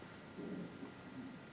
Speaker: Did you hear that? That was my tummy. I haven't eaten yet.